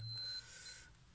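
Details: Two short high electronic beeps from a Wockhardt SugarCheck Advance blood glucose meter powering on after its batteries are inserted, during setup.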